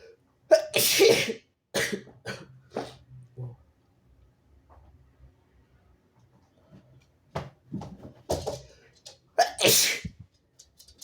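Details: Several very harsh, forceful sneezes with short gasping intakes, brief quiet pauses and some harsh coughing, from a nonbinary person who is sick.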